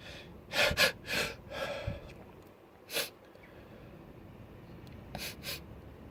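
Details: Quick gasping inhalations build up, then an explosive uncovered sneeze with a burst of air and softer breathy sounds, recorded in a setup to show sneeze spray and mist.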